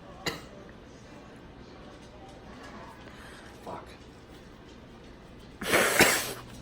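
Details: Q-tip-induced sneezing filmed up close: a quiet room with a short burst early on, then one loud, forceful sneeze near the end.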